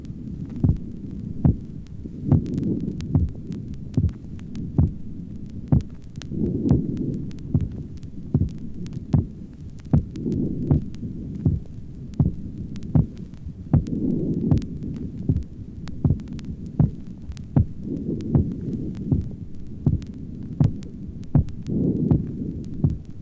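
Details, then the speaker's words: Heart sound recording from the pulmonic area of a 23-year-old male with no history of heart disease: normal second heart sound, since pulmonary pressure is not elevated. "the tracing is taken from the pulmonic area here the second sound is normal because the blood pressure in the lungs is not elevated because this patient does not have a valve"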